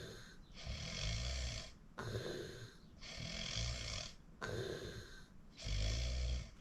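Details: Self-recording of own snoring: loud, rough low snores on each breath, about 25 a minute, with quieter breathing between them; heavy snoring.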